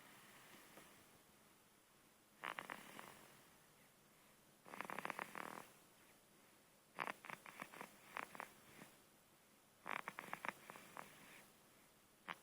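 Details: Quiet breathing from a sleeping baby, broken by short fluttering, snuffly snore bursts about every two to three seconds; light snoring with a snorting quality.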